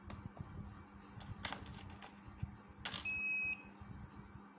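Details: A single steady electronic beep about half a second long over room noise and clicks, the start signal of a high-power deep-tissue physiotherapy laser machine used for back pain; laser therapy machine start beep.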